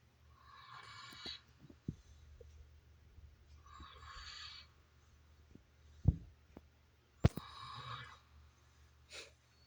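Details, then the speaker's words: Sleeping animal (male) snoring loudly, with three raspy, hissing breaths about every three and a half seconds. "He is snoring so loud right now."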